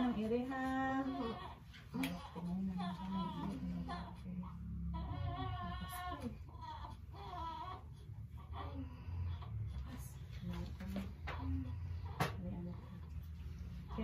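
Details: Newborn crying just after an unmedicated vaginal delivery, with a baby who did not cry immediately: intermittent high-pitched cries and whimpers amid room noise and low adult voices.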